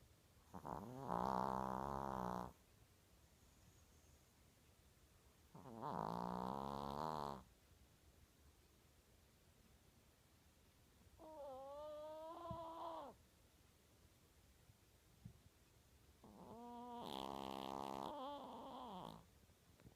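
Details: Loud snoring in a sleeping Chihuahua: four loud, buzzy, whistling breath sounds with quiet gaps, about twelve breaths a minute.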